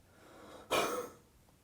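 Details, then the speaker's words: Step two of a home sputum-collection huff-cough technique: a deep breath in, then a single gentle, breathy, open-throated huff cough out to clear mucus. "The second step is to take a deep breath in. Then let a gentle huff cough"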